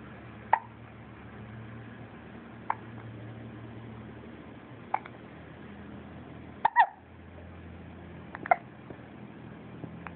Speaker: We're doing tummy time at 3 weeks old. Well, almost 2 weeks and 6 [Applause] days. We're doing it while he has the hiccups.